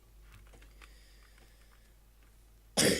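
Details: Single loud harsh cough at the very end of a gaming stream recording, after quiet room noise with faint clicks; an ordinary cough.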